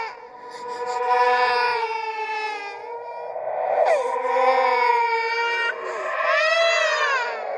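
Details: Horror sound-effect track made from recorded and edited creepy sounds: drawn-out, infant-like wailing cries with rising and falling pitch.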